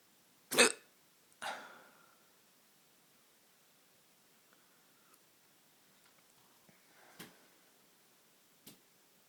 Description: I get the hiccups at nights